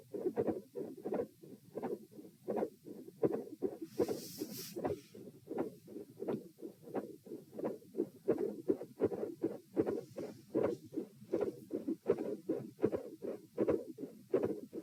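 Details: Heart auscultation at position T during a positional stress test (lying, then sitting, standing, and lying again): a midsystolic murmur with a split second heart sound, and a murmur at S2.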